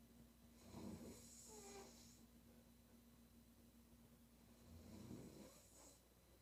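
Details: Woman snoring: two loud, rattling snores several seconds apart in a quiet room with a steady low hum.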